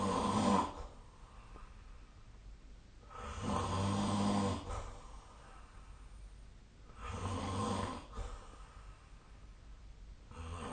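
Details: Snoring recorded during sleep: regular low, fluttering snores at about 16 breaths a minute with soft breathing between them; snoring.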